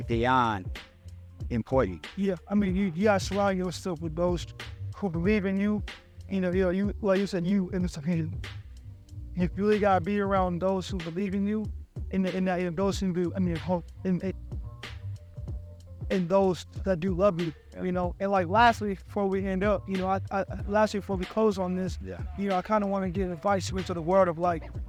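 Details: Adult podcast host who stutters, speaking conversationally; stuttering.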